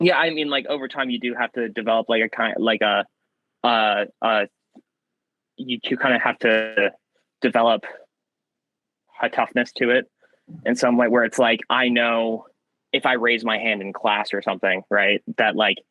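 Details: Young man with stuttering since childhood that varies in severity; he sometimes swaps words mid-sentence to avoid getting stuck.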